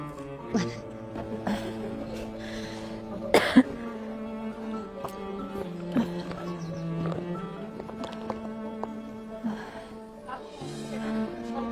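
A few short, harsh coughs rise over steady background music, acted to portray an asthma attack.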